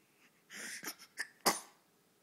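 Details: A little sneezer: a quick in-breath followed by a few short, sharp, breathy bursts ending in one louder burst. A small sneeze.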